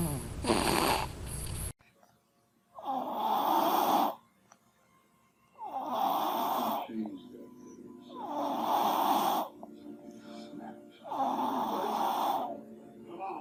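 Regular soft snoring breaths, about five over ten seconds, after a brief louder noise at the start; snoring in a sleeping baby.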